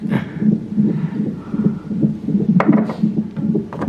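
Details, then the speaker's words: Fetal heartbeat on a labor fetal monitor after the mother's water broke: rapid, regular whooshing pulses roughly 140 a minute, with some room noise. "Okay, that's that baby's heartbeat."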